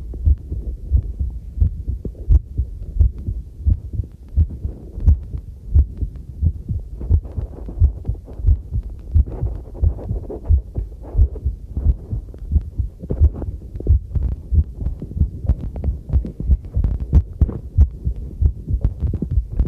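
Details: Own normal heartbeat recorded with a homemade field stethoscope microphone while doing housework: steady low thumping about 90 a minute, with running water and clinking dishes faintly behind.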